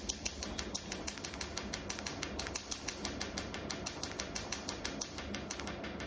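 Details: Laser tattoo removal device firing pulses: fast, fairly regular snapping clicks about three per second over a faint hiss.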